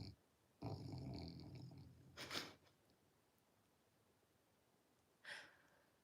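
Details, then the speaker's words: Snoring from a sleeping Great Pyrenees dog: a low, rumbling snore, then a short breathy snort and brief sniff in a quiet room. "Yeah, if you can hear the snoring. She's dreamy. I can feel it. Yeah. You snoring, baby."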